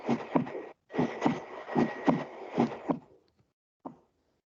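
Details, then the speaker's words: Physiological splitting of S2 from a teaching playback: regular paired heart sounds about 73 a minute, with S2 split by aortic closure followed by pulmonary closure; a normal finding. "Ahora vamos a regresar al primer sonido que escuchamos, que está S1 y S2, para ver si logran percibir el desdoblamiento de S2."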